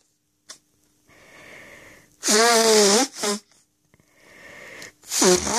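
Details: Loud sneezing fit triggered by flowers, recorded on request: sniffing inhales, then loud voiced sneezes with a drawn-out cry-like 'achoo' and a short stifled one.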